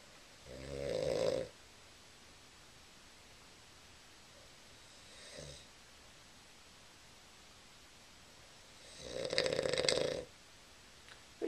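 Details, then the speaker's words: Sleeper snoring and told to roll over, recorded with a Flip Video camera: two loud, rough, rattling snores with a fainter one between, in a quiet room. "roll over you're snoring"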